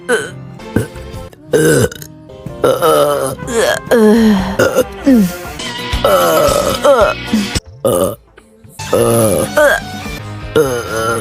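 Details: Repeated loud burps mixed with speech over background music; hiccup burps.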